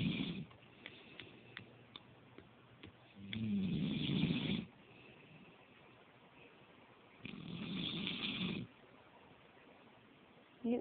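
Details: Adult snoring while asleep on a couch, recorded by a partner: two long, loud, rattling snores on inhalation, separated by quiet breathing, with faint background noise.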